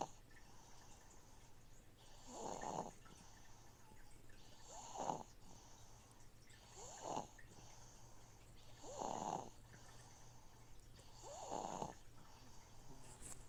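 Soft, rhythmic snores about every 2 seconds over a steady watery filter hum; quiet snoring during sleep.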